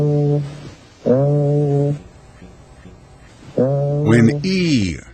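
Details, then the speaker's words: Voice sounds auscultated on the chest as the patient says "ee", heard as "ay" with a nasal quality; egophony, suggesting underlying consolidation of lung tissue. "like a and has a nasal quality as in this example egophony is present suggesting underlying consolidation of lung tissue"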